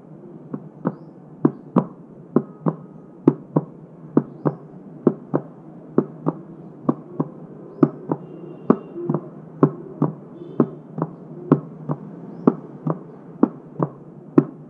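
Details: Simulated normal heart sounds tapped on a cardboard box, in paired beats with a physiologically split second sound, about 66 a minute.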